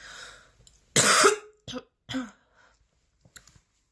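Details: One harsh, forceful cough followed by two shorter coughs and breaths, part of an extremely intense, persistent coughing fit with heavy breathing lasting about ten minutes.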